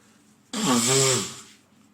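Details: Adult man with a head cold, sneezing, sniffling and blowing his nose for about a week: a single sudden, forceful voiced sneeze that trails off.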